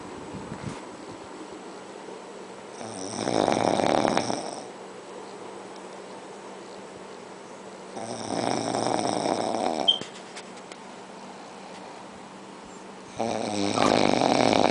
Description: Snoring contest....